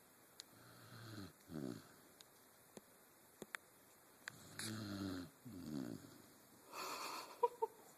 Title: angel snoring